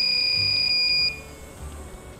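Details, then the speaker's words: Argon plasma device: a steady high electronic tone stopping after about a second, leaving room hum; beeps only while the device tip is on. "So what you hear, this beeping, is when it beeps only when the tip of the device is on."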